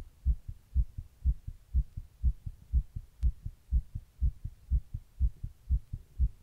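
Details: Person's own heart recorded while sitting in 100-degree heat during a heatwave: regular, fast, deep heartbeats at about 122 beats a minute, indicating tachycardia.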